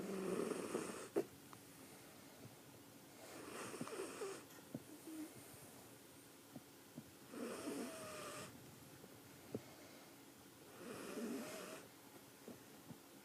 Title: Snoring beauty